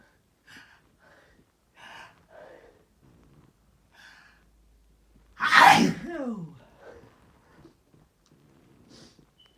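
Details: Cat in a quiet room: soft sniffing breaths build up to one sudden, loud sneeze.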